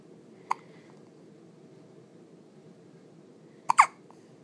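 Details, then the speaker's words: Two-day-old newborn boy, still in hospital, awake and alert, with two brief, sharp hiccup sounds about three seconds apart over quiet room hum; he hiccupped often in the womb. Newborn hiccups. "yeah what are you doing those make loud noises don't they you did that all the time in mama's belly"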